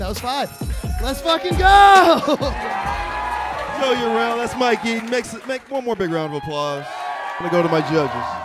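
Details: Adult male host speaking over music and crowd; ordinary speech.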